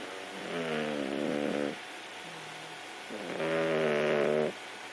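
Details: Sleeping pet snoring: two buzzing, tonal snores on the in-breath with quiet out-breaths between; snoring.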